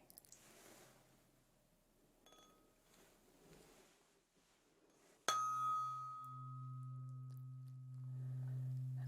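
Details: Soft rustling, then a sharp tap and a steady, sustained pure tone from a tuning fork struck in a role-played ASMR hearing test, the listener with eyes closed indicating where the sound is heard.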